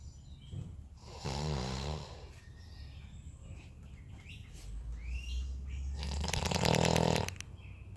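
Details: Sleeping adult man snoring: loud, deep, rumbling snores with a rattling quality over background noise; heavy snoring likened to an earthquake.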